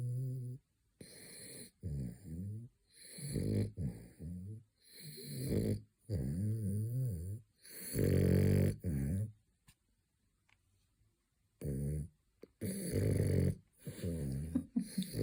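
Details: French bulldog snoring during his third midday nap; loud, rhythmic, rattling snores, about eight in fifteen seconds, with brief pauses between. Snoring.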